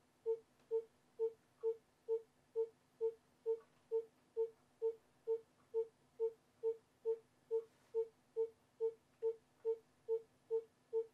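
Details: Educational fetal heart rate monitoring rhythm (Rhythm 3): steady, evenly spaced tonal monitor beeps at about 136 a minute, with faint room hum.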